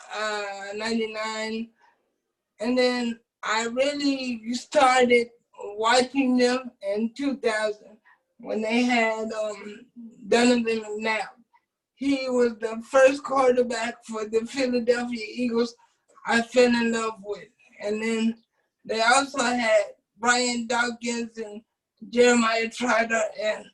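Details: Adult man with cerebral palsy since birth who uses a wheelchair; doctors predicted at birth he would not speak; dysarthric speech in cerebral palsy.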